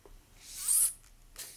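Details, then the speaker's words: Dental implant drill used with a fully guided surgical guide in a foam bone model. A brief high-pitched whir of about 1.2 seconds as the drill goes quickly in and out. "notice how efficient we're in and out with the drill there's no sense in lingering inside the hole we go in we go out and we are done"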